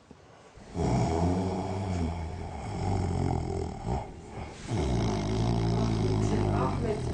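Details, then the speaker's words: Man with about 30 years of snoring complaints, recorded asleep at night while his wife says he snores constantly; snoring. "Gene başladın horlamaya kumanda da elinde"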